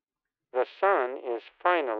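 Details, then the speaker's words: Simulated cochlear implant hearing: a sentence processed to match how a MED-EL implant sounds to a single-sided deaf user with one normal-hearing ear; he judges this version more robotic and monotone than his implant side. "This sounds more robotic than than the CI side does."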